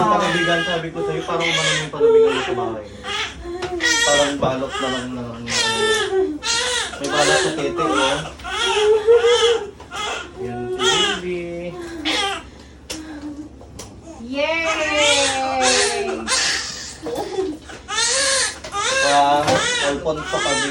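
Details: Normal vaginal birth: a high-pitched, rhythmic newborn cry repeating strongly right after delivery at 12:56, with music and room noise behind it; a normal first cry.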